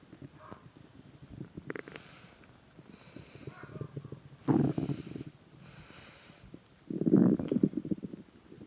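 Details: Adult man lying down playing a game while hungry, listener lying on his belly: soft gurgles build to two louder rumbling growls; normal hunger stomach growling (borborygmi).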